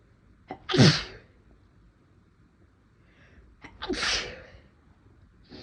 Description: some induced sneezes, my nose felt a little tickly, had to try to stifle a little at one point but it didnt work out the best